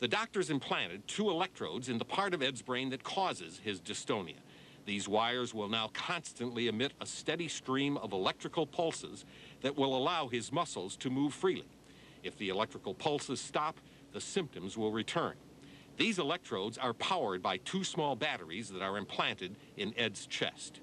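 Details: Adult male narrator; ordinary speech.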